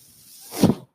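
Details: Mechanical ventilator of the podcaster, heard while he talks: a soft airy hiss builds into a louder low whooshing rush, then cuts off abruptly; ventilator delivering a breath.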